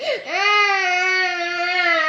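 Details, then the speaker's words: Young child crying, upset about getting a haircut for Eid: one long, loud, sustained wail after a brief catch of breath, with tears. "R guys আপনি দেখুন ঈদে চুল কাটতে যাবে না, মানুষ ঈদে চুল কেটে মামা বাড়ি যায়, আর সে না যায় কান্না শুরু করে দিয়েছে।"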